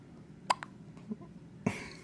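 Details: Baby with brief, abrupt little clicks and gulps, several within two seconds; hiccups.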